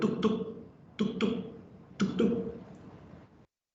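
A voice imitates a heartbeat as paired 'tuk-tuk' sounds, about 60 a minute, mimicking the first and second heart sounds.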